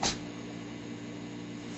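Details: Dog that sneezes on command as a trick: a single short, sharp nasal burst; harmless dog sneeze.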